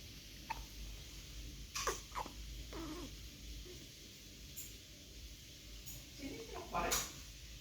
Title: hiccup + yawning 🥱🥱